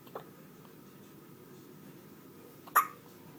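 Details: Baby's first hiccups: two brief, sharp hiccup sounds, the second louder, against quiet room noise; ordinary infant hiccups.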